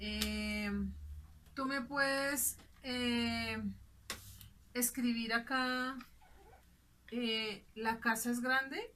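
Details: Simulated (acted) Broca's aphasia, a non-fluent aphasia with difficulty articulating and joining short words.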